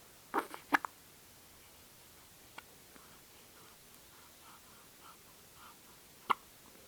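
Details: Hiccups in a ten-day-old baby girl after a milk feed: brief, sharp, abrupt hiccup sounds spaced a few seconds apart in a quiet room.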